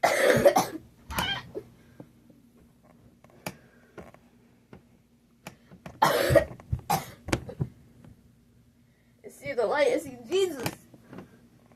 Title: TW: LOTS of coughing, working on my jump! (also dying cus I'm still sick!)